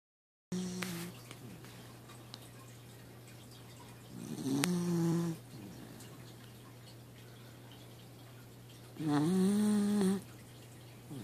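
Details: Two loud, rattling, drawn-out breaths about five seconds apart from a sleeping dachshund that is dreaming with its tongue out, with a steady room hum; dog snoring.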